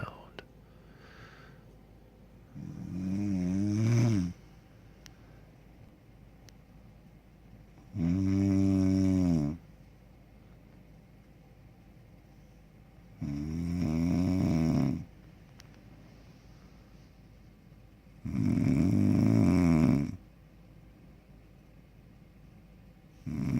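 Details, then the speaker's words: Adult woman snoring while asleep at night: loud, rattling, chainsaw-like snores recurring about every five seconds, roughly 12 breaths a minute, with quiet pauses between. "I'm supposed to go to sleep myself, but she sounds like a chainsaw, and I don't know if I'm gonna be able to get to sleep tonight."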